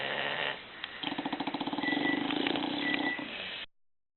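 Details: Four bulldogs snoring while asleep on a Sunday morning: rapid fluttering, rattling snore lasting a few seconds over a noisy, tinny recording; sleep snoring in bulldogs.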